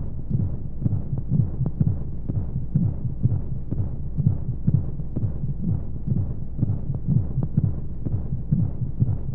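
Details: Womb-sound sleep aid for babies: soft rapid whooshing heartbeat at about 125 a minute under steady rushing white noise; simulated heartbeat as heard inside the womb.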